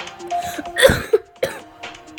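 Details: Short harsh cough with throat clearing from a person who says they are sick, heard over steady electronic game music during gameplay; cough.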